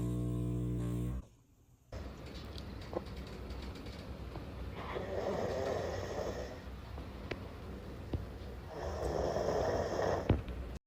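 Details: Two long rough rattling snoring breaths in a quiet room after a brief cut from music; sleep snoring.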